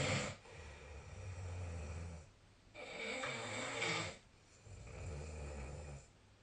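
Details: Deep, vibrating snores on both inhalation and exhalation, about three cycles in six seconds, recorded during sleep with the SnoreLab app on 2025/03/19; heavy snoring.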